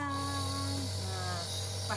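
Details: Steady droning hum with a hiss and faint background music: a nebulizer running for an 11-month-old baby with cough, cold and phlegm, using a doctor-prescribed infusion solution with Bisolvon solution.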